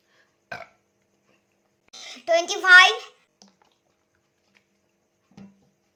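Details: A loud, voiced burp lasting about a second during a burping challenge after drinking Coca-Cola, with a faint click before it and a short noise after it in a quiet room.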